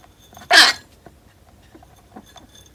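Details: Pet rabbit that sneezes often and has been seen at a clinic: one brief, sharp, hissing sneeze against a quiet room.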